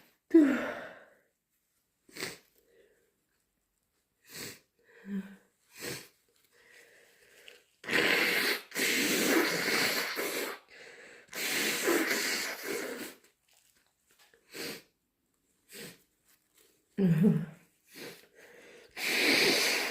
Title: Still sick - Strong, loud sneezes and blows